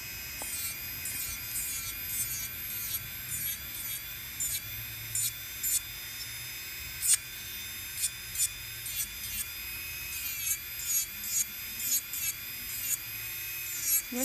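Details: Medical pedicure for onychomycosis: steady high whine of a rotary nail drill with brief grinding bursts as a bur thins the central part of a thickened fungal toenail.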